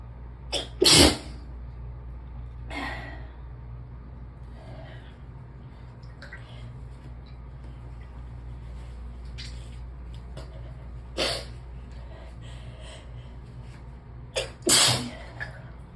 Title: Gave up on confusing my brain, just sneezing (11/9, forgot to post)